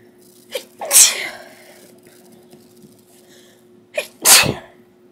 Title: 10 Sneezes.